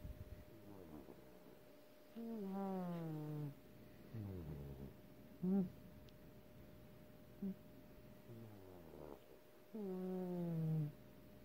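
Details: Sleeping cat snoring: soft breaths and some whistling, falling-pitch snores over a faint steady background hum.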